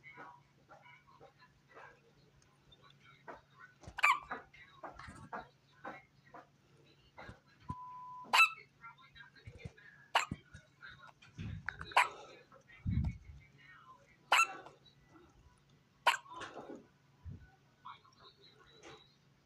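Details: A newborn boy, born December 23, 2023, and recorded around Christmas, makes short, sharp catches about every two seconds amid soft household sounds and faint talk: infant hiccups.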